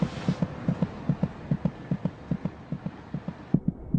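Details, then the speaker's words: Fetal heartbeat at 26 weeks of pregnancy, heard by putting an ear to the mother's abdomen: rapid, regular paired thumps at about 150 beats a minute; a normal fetal heartbeat. "now it's possible to hear the fetal heartbeat just by putting an ear to the mother's abdomen"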